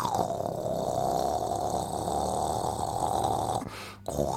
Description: Different levels of snoring